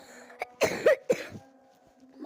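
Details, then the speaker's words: Two short, dry cough bursts from a child in a quiet room while playing a game, faint background tones; coughing. "guys aku memang batuk-batuk"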